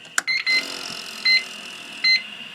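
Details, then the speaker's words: Siemens 900 ventilator in a teaching set-up, being switched off: a click, then repeated high electronic alarm tones over soft gas-flow hiss until push-and-hold silences it. "and you'll hear the gas flow in that alarm but you'll push and hold you got to push it many times you can push and hold in think and it silences it"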